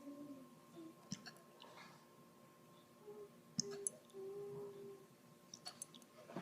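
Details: Puppy named Shadow with hiccups: a few sharp, brief clicking gulps spaced seconds apart over quiet room noise; hiccups.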